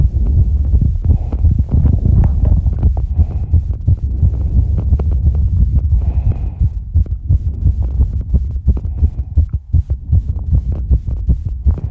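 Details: Very rapid, regular low thumping heartbeat around 170–200 beats a minute with heavy breathing, during recovery from exercise: tachycardia after exercise.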